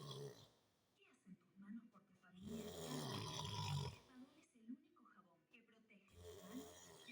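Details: Heavy, rough snoring breaths recurring every few seconds with quiet gaps between; loud, disruptive, unbearable snoring.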